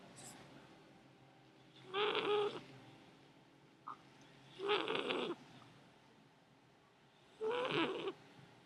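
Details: Female kitten snoring while asleep: three slow, buzzing snores about 20 a minute, each a fluttering rasp on the breath, in a quiet room; she is then woken.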